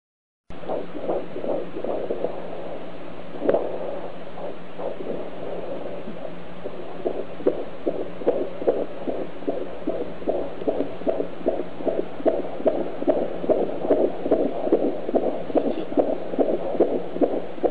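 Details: Fetal heartbeat heard on an AngelSounds handheld fetal Doppler monitor: rapid, regular whooshing pulses over steady Doppler hiss, roughly 145 beats a minute.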